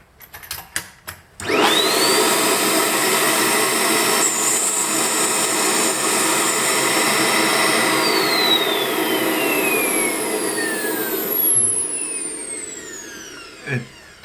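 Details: A few clicks, then a loud steady vacuum motor roar with a rising whine that slowly falls and winds down, as a dental vacuum former molds heated plastic over metal objects; amateur hobby use.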